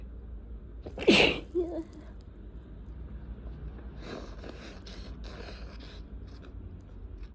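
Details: Person coming down with a wet cold, with an itchy, tickly nose all day, sneezing loudly: one sharp, explosive sneeze, then a short trailing sound and quiet room noise.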